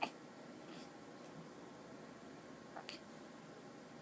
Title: Thumb sucking hiccups